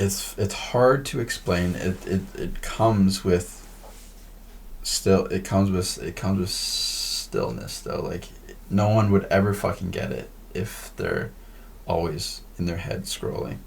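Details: Male podcast host who stutters; part-word and word repetitions; stuttering.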